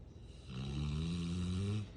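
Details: Sleeping female Rottweiler snoring: one deep, rumbling, steady snore on the in-breath, lasting about a second and a half.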